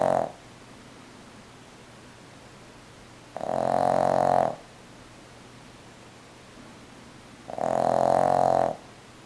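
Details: Three loud, tonal, buzzing snores about four seconds apart with quiet pauses between; snoring.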